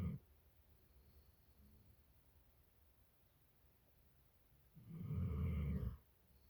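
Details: A pit bull dog lying in bed in the morning snores: one loud, deep rumbling snore of about a second in a quiet room.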